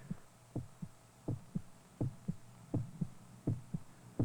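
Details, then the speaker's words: Steady, evenly paced lub-dub heartbeat at about 80 per minute, over narration explaining that a natural pacemaker, a modified part of the cardiac muscle, sets when and how fast the heart beats. "the heartbeat is regulated by a natural pacemaker a highly modified portion of the cardiac muscle it tells every part of the heart when to beat and how fast"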